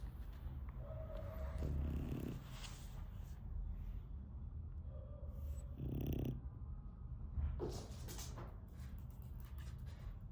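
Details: Deep, snorting snores on each breath over steady low rumbling from a sleeping pug, a flat-faced dog; loud snoring.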